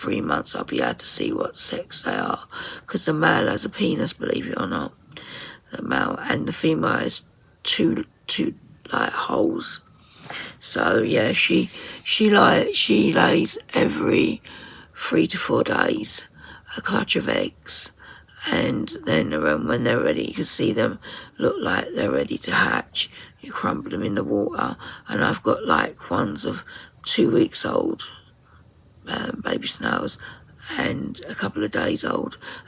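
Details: 57-year-old woman with muscle tension dysphonia (very tight, stressed muscles around the vocal cords) beginning after COVID pneumonia, also affecting swallowing; severe at times, in speech therapy; ENT found mucus and laryngeal infection.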